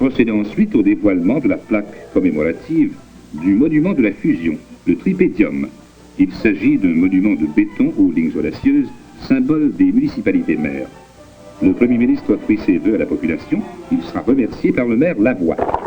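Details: Adult male narrator; Normal speech.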